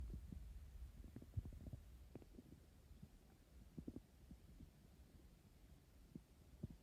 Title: My growling tummy #hunger #stomach #growling #hungry #emptystomach